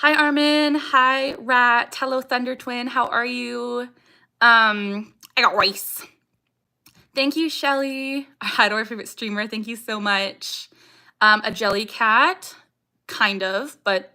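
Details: Young woman with Tourette syndrome, vocal tics including saying "I got rice", "ha" and barking; strong emotion such as anxiety or excitement increases her tics, and she tics more during livestreams; vocal tic (Tourette syndrome).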